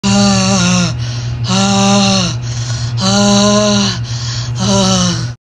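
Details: Loud, effortful breaths with a vocal, groaning quality, about four cycles in five seconds; laboured breathing in COVID-19.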